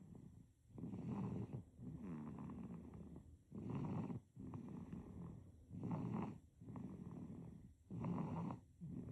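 Soft, regular, low rattly snores with each breath, about 27 a minute, in a quiet room: infant snoring.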